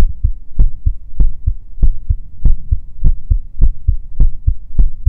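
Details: Heartbeat ASMR recording: steady paired low thumps at about 100 beats a minute over a faint hum; a regular, normal heartbeat.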